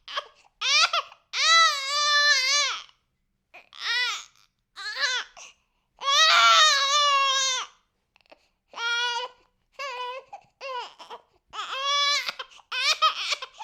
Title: Baby Crying Sound Effect